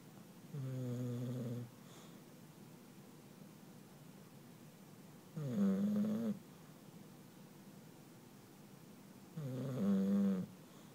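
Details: An English Bulldog named Sumo happily snoring: dog snoring.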